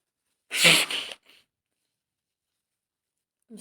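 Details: Acted role-play of a female friend coming down with a cold after being out in the rain, with throat starting to hurt: one sharp, hissing sneeze burst with a brief breathy aftersound.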